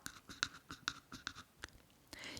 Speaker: scrâșnit din dinți e ca atunci când dinții se presează unii pe alții și se creează se formează un sunet o să încerc să îl imit Sper să auziți